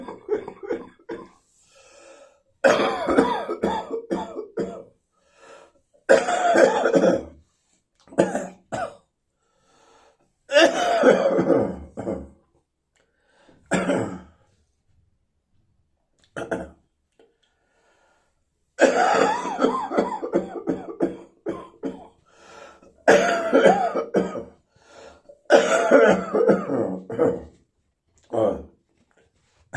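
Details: Chesty, throaty, wheezy coughing: repeated bouts of harsh, throaty coughing with a rattly quality and a faint wheezy edge.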